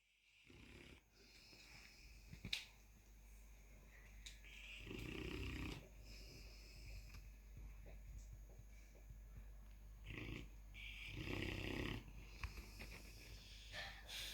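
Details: 155 lb Presa Canario cross dog snoring loudly in her sleep: low rumbling breaths repeating with each breath in a quiet room.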